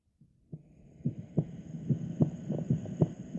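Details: Normal heart sounds heard through a stethoscope at the mitral area, fifth intercostal space, midclavicular line, listened to for about 5 seconds: low, paired thumps with faint background hiss; mitral valve closure.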